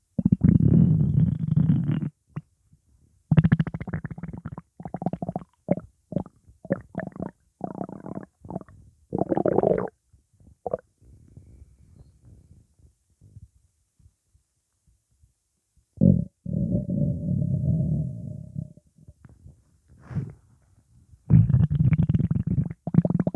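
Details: Loud low gurgling stomach and bowel rumbling in bursts separated by quiet gaps; gas after eating pizza; borborygmi (stomach rumbling).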